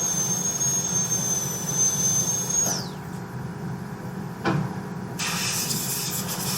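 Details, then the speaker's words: High-speed dental drill with 856.016 burr reducing the oblique ridge from the distal pit for an all-ceramic MOD onlay on tooth #14: steady high-pitched whine winding down, then brief air bursts. "So I'm going to come back from this side, start from the same position, the distal pit, and then I'm reducing down on the oblique ridge, going up with the distal lingual groove just like I did earlier."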